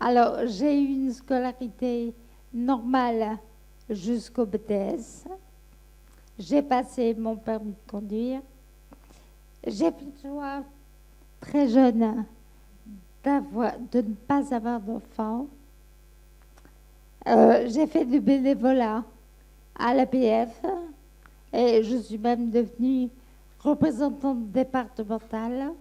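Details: French-speaking woman nearly 60 with Friedreich ataxia since age 12, diagnosed at 15, in weekly speech therapy, after 10 months of Skyclarys treatment; ataxic dysarthria (Friedreich ataxia).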